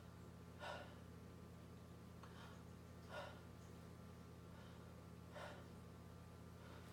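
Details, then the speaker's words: Deep breathing through the mouth, heard over the back during a stethoscope lung examination: soft, airy breaths about every two seconds over a steady room hum. "let's go take a couple of deep breaths through your mouth please"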